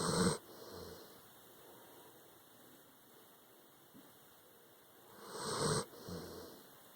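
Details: Dog snoring in sleep, tired after an anxious day during a hurricane: two rasping, snorting breaths several seconds apart with quiet room noise between; snoring.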